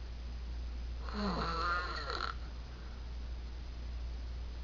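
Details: A man snoring loudly in his sleep at 3 a.m.: one loud, drawn-out snore with a rough, vibrating tone over a steady low hum.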